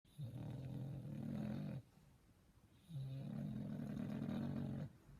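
Two long, loud, rumbling snores with a steady low buzz, separated by a quiet pause; a dog snoring deeply.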